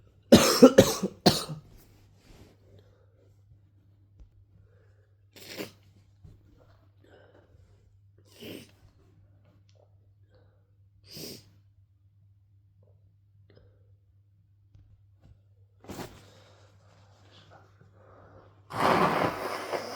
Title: I have a cold (M) (noseblowing & coughing)